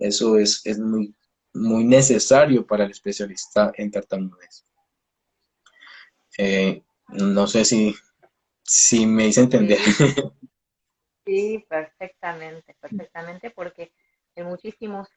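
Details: Stuttering in an adult Colombian speech-language pathologist who himself stutters, heard during a live interview.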